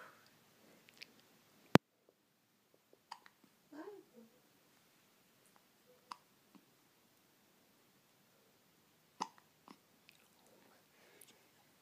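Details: Short, sharp, soft hiccup catches spaced several seconds apart in a 1-week-old baby, with small mouth sounds in a quiet room: hiccups.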